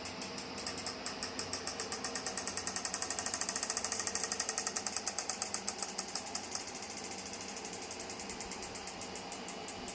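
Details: Steady fast train of sharp clicks, several per second: the Physiwave MT685 dual-handle 6T magnetic stimulation physiotherapy device for pain relief running, shown during a setup and operation demonstration with user-set frequency, intensity, time and treatment area.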